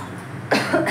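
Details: One abrupt cough over kitchen background noise from an adult woman with a cold, recorded at home on a sick day while cooking; cough.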